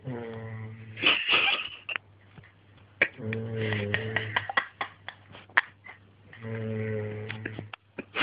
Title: My Dad snoring